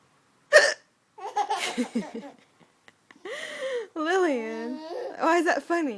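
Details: Mother with hiccups while her baby laughs: a sharp hiccup-like catch, then laughter and voiced sounds from more than one person.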